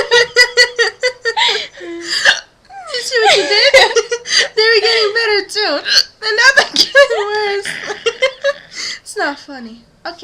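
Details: Two young adults with hiccups: repeated short, sharp voiced hiccups breaking into excited speech and laughter.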